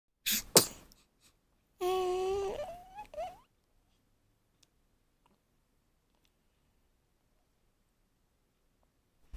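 Two quick sharp sneezes from a small dog, then a short whining vocal sound and silence.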